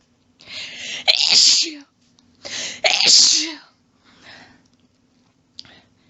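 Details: Sneezing fit in a woman who can't stop sneezing. Two quick bursts of loud sneezes, then a softer one and a faint trailing sound, within a long fit of rapid quadruples.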